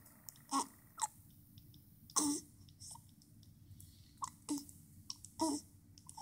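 Soft, brief hiccup sounds recur every second or so, mixed with faint pacifier sucking noises in a quiet room: infant hiccups.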